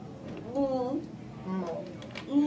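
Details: Child with childhood apraxia of speech attempting a prompted word during intensive Kaufman Speech to Language Protocol therapy.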